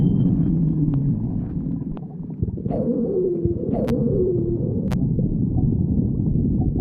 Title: Pan stomach growling 47